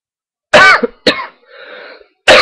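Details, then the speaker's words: Three short, harsh coughs from a person taking cold medicine pills, the middle one trailing into a throaty rasp; cough. "I am I'm sorry about the coughing um it's actually pissing me off"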